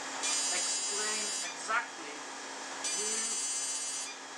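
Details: Ablative fractional CO2 resurfacing with the DeepFX handpiece (Lumenis) of a patient with type IV dark skin and acne scars: a steady high electric hum and rapid pulsing buzz as the laser fires with its cooling device.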